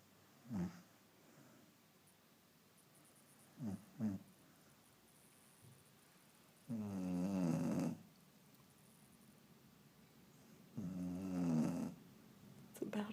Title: Baxter snoring